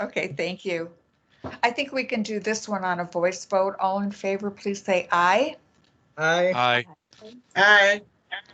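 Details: Adult woman speaking in a meeting, with other voices answering; normal voice.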